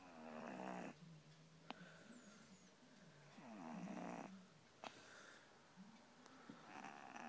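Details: Kitten snoring while asleep using a laptop as a pillow: soft, wheezy snoring breaths with a faint whistling edge in a quiet room.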